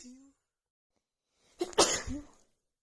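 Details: A woman's single forceful itchy sneeze: a brief inhaled catch, then one sneeze with a short voiced tail, during an itchy sneeze attack.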